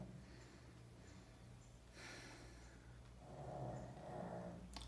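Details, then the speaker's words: Soft, low rumbling snores from a sleeping dog in the background over a steady room hum. "Então tá aí gente peço desculpas pelo ronco do meu cachorro esse ronco que vocês estão ouvindo ao fundo aí é cachorro não é gente não tá"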